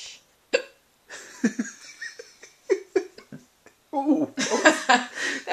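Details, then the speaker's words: Sharp, abrupt hiccups at irregular intervals among soft laughter at night in the dark, one held in and sounding like a burp, from a woman; hiccups. "That one I tried to hold in. And it was sound like a burp."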